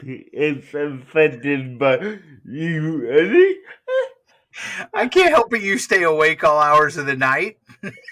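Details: Dysarthria in an adult male with cerebral palsy, answering interview questions; speech hard to understand.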